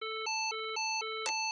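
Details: Public AED in a how-to demonstration delivering a shock after the flashing button is pressed: rapid alternating two-pitch electronic beeping with a brief click-like burst near the end, then "shock delivered".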